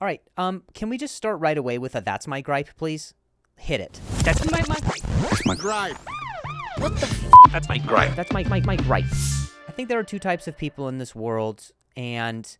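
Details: Adult male comedian who stutters, speaking in real conversation; repeated and broken-off words noted; stuttering.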